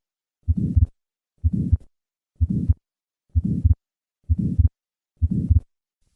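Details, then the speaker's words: Simulated heart sounds at about 62 a minute with a soft, early-peaking systolic ejection murmur between the heart sounds: an innocent flow murmur, in contrast to aortic stenosis. "Notice how the innocent murmur peaks early and cy and compare that to the late peaking of aortic stenosis. First, the innocent murmur."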